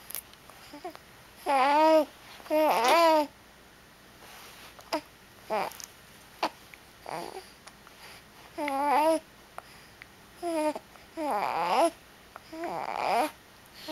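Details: Baby with tummy trouble: short bursts of fussing and whimpering cries separated by pauses, with babbling-like sounds, unsettled and uncomfortable; infant fussing.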